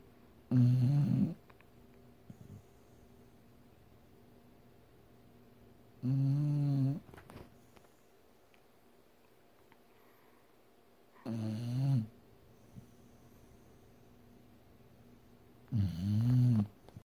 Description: This dog was snoring pretty loud and I thought it would be funny to record so I did and I had a couple giggles but hey it's still a cut dog snoring.